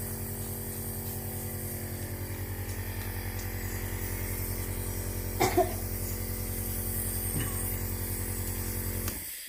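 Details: Steady low motor hum of a home compressor nebulizer with a few brief knocks, then it switches off; treating an unwell baby girl with Levolin 0.63 and Budecort 0.5 respules.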